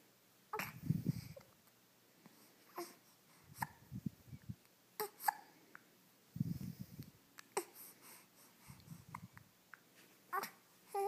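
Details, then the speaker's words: Baby having hiccups; brief sharp catching sounds recurring every few seconds among soft breaths and low room noise; infant hiccups. "It's hard to smile when you have the hiccups."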